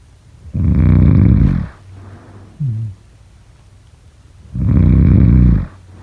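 Two loud, deep, vibrating snores about four seconds apart, with a brief snort between them; heavy snoring.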